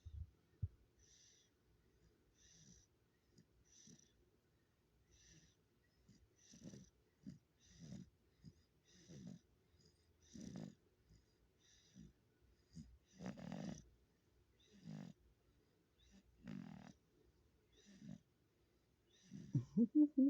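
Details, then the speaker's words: Three-month-old girl asleep, teeth coming in: soft, rapid, irregular snoring and snorting breath noises; infant snoring. "this is what she does we do the same thing she snores like i do listen guys"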